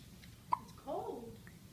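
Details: Baby boy's hiccup: a single abrupt, soft catch of breath followed by a brief voiced exhale.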